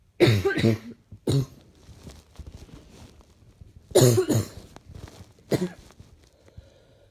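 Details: Four bouts of loose, slightly wet coughing, mostly in paired bursts, on waking in the morning: a mildly chesty cough.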